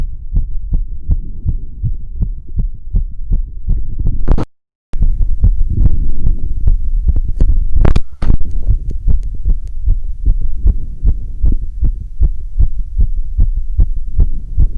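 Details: Stethoscope auscultation after a bit of time on a rowing ergometer: rapid, regular heartbeat at about 155 beats a minute; severe post-exercise sinus tachycardia.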